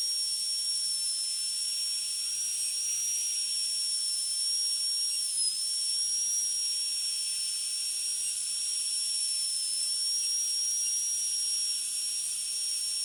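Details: Steady high-pitched whine of a high-speed dental drill with slight pitch dip under load, flat tapered burr cutting lingual axial depth grooves and reduction on molar tooth 46 for a metal-ceramic crown, demonstration.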